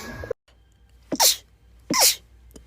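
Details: Two quick, high-pitched sneezes about a second apart, each a sharp hissing burst; tiny rapid repeated sneezes.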